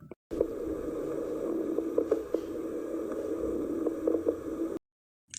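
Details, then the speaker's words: Continuous harsh, wheeze-like breathing noise with a steady pitched tone: stridor from obstruction of airflow in the trachea or back of the throat. "herido es un ruido similar a las sibilancias que se escuchan cuando una persona respira generalmente se debe a una obstrucción del flujo de aire en la tráquea o en la parte posterior de la garganta"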